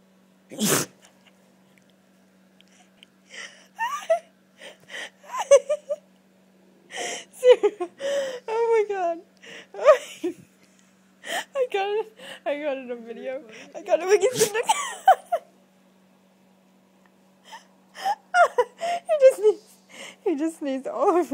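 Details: A whippet puppy gives two sharp, explosive sneezes while a person chatters in a high voice between them, asking what is in its nose. Sneezing.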